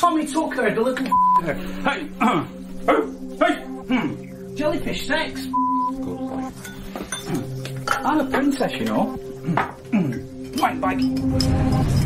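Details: Adult man with Tourette syndrome, severe physical and verbal tics including involuntary swearing, tics worsening at age 45; vocal tics with coprolalia (Tourette syndrome).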